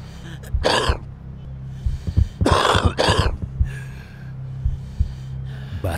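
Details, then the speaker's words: Acted smoker's cough in an anti-smoking cinema spot: harsh, wet-sounding coughs from an adult, about four bursts, over a low background hum. "batuk seorang perokok tidak hanya menandakan rusaknya"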